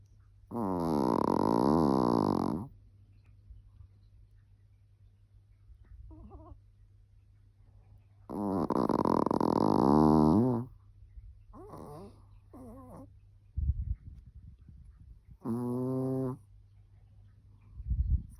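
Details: Snoring still present three years later: two long, loud, buzzing snores with softer snuffles between them, then a shorter snore.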